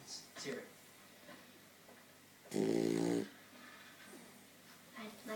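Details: Snoring from a sleeping 14-week-old female black Labrador puppy: a single loud, low, buzzing snore with faint room sounds and distant talk around it.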